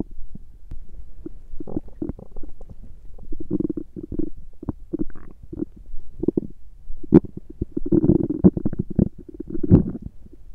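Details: Stomach growling from a woman's belly during her menstrual period: repeated low gurgles and bubbling rumbles, some short and some drawn out.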